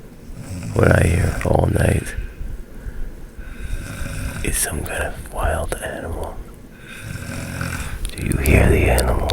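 Loud, rough, low rattling noises in spaced bursts with quieter breathing between them, typical of snoring.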